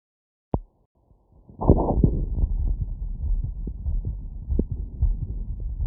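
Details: Heart sounds through a stethoscope after physical workload: fast, regular beats, roughly 130 a minute, under a steady stethoscope rumble; rapid heart sounds after exertion.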